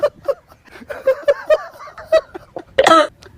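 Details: An adult man (an uncle character) gives a string of short voiced hacks ending in one louder, harsher cough, acted for a comedy short; simulated cough.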